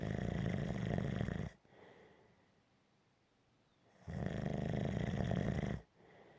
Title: Snoring - Gentle Snoring